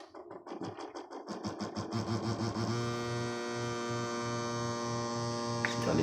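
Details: Patient monitor NIBP pump runs during calibration with a Fluke ProSim 8 at a 100 mmHg target: a pulsing motor whir rising into a steady hum as it inflates toward the set pressure.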